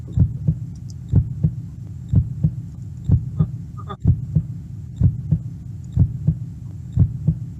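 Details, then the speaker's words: Regular paired low thumps at about 62 a minute with a faint hum; a computer-generated imitation of a normal heartbeat, played as a demonstration sound. "what is that sound that's a heartbeat that's a beautiful sound right yeah okay so so let me teach you something that sound was a heartbeat right it was a heartbeat sounded like a heartbeat"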